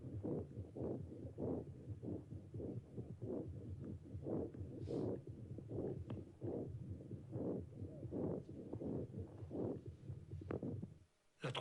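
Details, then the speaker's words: Three-month-old infant, breath sounds: rapid, soft, even breathing with a darker, lower timbre; normal infant breath sounds. "comme la deuxième séquence nous fait entendre les bruits respiratoire du même enfant âgé de 3 mois"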